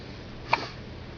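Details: Newborn in hospital having hiccups for the first time: a single brief, sharp catching sound in a quiet room.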